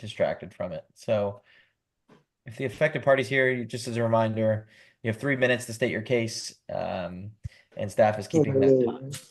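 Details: Adult male speaker; Normal speech.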